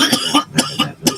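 A quick run of about five short, sharp coughs from an adult.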